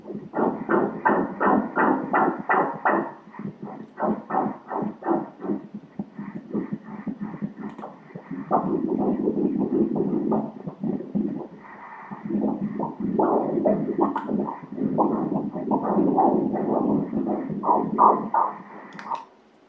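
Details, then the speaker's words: Fetal heartbeat on Doppler during obstetric ultrasound with the baby moving a lot: rapid, regular whooshing at 163 beats per minute, within the stated normal range of 120–170; normal fetal heart rate. "ce bruit est le cœur du bébé voyons quelle est la fréquence au moment où il était plus... ici, regardez ... la fréquence cardiaque est à... 163, 163 battements par minute"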